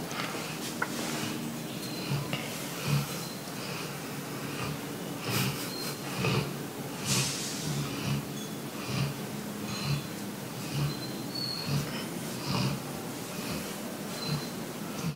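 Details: Golden Retrievers deeply asleep on a heavy-rain day, snoring: soft, regular snorting breaths, about 66 a minute, over steady room noise.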